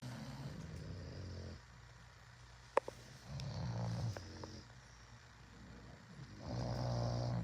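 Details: Sleeping bulldogs snoring loudly: low rattling snores in long drawn-out breaths with a steady background hum.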